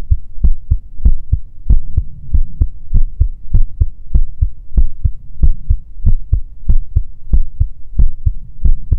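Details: Heartbeat ASMR recording by a female creator: steady, regular paired heart thuds at about 95 beats a minute over a low steady hum, a normal heartbeat.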